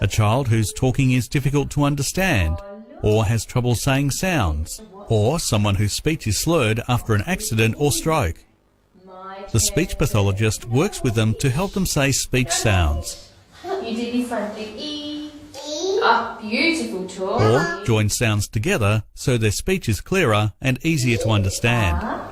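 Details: Adult male narrator; normal speech.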